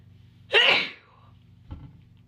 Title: Sneezing while plucking eyebrows